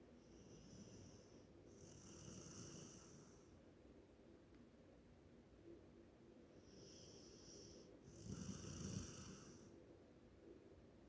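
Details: Golden retriever snoring while asleep: quiet, regular snores with a soft rattle on the breath in and a whistle on the breath out, in a quiet room.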